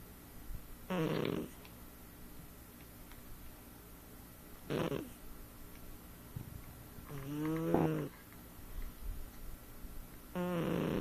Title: Sophie The Snoring Cat